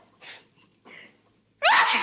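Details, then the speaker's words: Two soft breathy inhalations build up, then a sharp, loud acted sneeze burst from an old UK scene; a character says they have never sneezed so much, and hay fever is mentioned. "never have I sneezed so much before"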